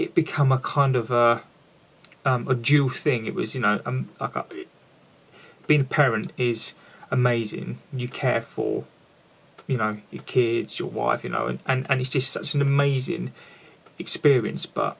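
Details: Lifelong stuttering (stammering) in an adult man who has always had it and still stammers.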